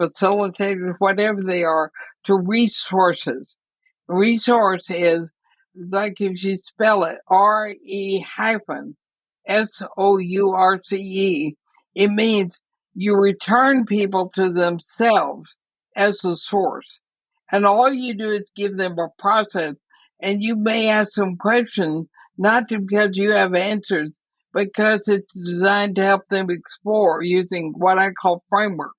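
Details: Woman about 80 diagnosed with ALS (Lou Gehrig's disease), which also affects her breathing; she reports quite a bit of speech trouble but feels still intelligible; dysarthria (ALS).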